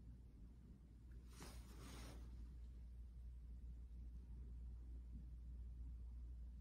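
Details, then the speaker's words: Stethoscope (other side/bell) over the abdomen for vascular sounds during a student nurse's abdominal assessment: steady low rumble with brief handling scrape, only the normal swoosh, no bruit; bowel sounds earlier active and normal. "okay all of those sound really normal I don't hear anything um other than the normal swoosh I'm supposed to"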